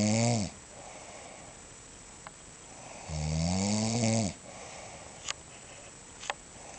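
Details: Two loud, rumbling inhaled snores about three seconds apart, with quiet exhalations and faint clicks between; ordinary heavy snoring.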